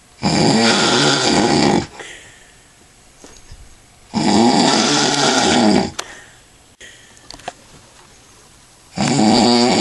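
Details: Snoring in a man after drinking lots of alcohol: loud, rattling snores recurring about every four to five seconds, each nearly two seconds long, with quiet exhalations between.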